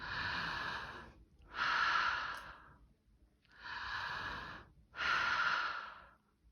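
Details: Listened with stethoscope diaphragm over the anterior chest, starting above the clavicles, for full inspiration and expiration; two full, unlabored breath cycles, normal breath sounds without wheeze or crackles.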